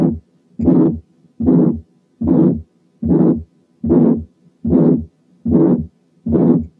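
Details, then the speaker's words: Severe aortic stenosis from a rigid, calcified valve: long, harsh ejection systolic murmur at about 74/min, with the second heart sound faint to almost absent. "لاحظوا ان في حالات السيفير ايورتيك ستينوزيس السكند ساوند بيكون ضعيف ويكاد يكون مش مسموع، لان الفالف بيبقى ريجيد وكالسيفايد وما بيقفلش وما بيفتحش كويس، والواحد ما يسمعش الا بس اللونج ايجكشن سيستوليك مامر تقريبا من غير سكند ساوند."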